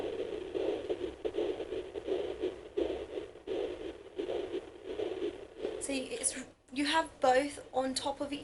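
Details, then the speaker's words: Home fetal Doppler in early pregnancy: rhythmic whooshing placental blood flow with a faster fetal heartbeat just beneath it, like a galloping horse; fetal heartbeat with placental sounds. "right now can you kind of hear that sounds like a galloping horse so that's the baby's heart be there"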